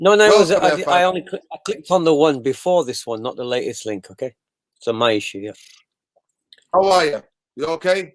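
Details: Adult man speaking, likely over a call; normal voice.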